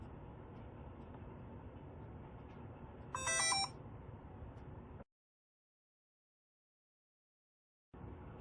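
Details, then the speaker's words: DI 2200 infusion pump switched on by holding the on/off button for 3 seconds: a brief high electronic power-on beep over faint room hiss. "첫 번째 전원 켜기입니다. 한면에 온오프 버튼을 3초간 누릅니다."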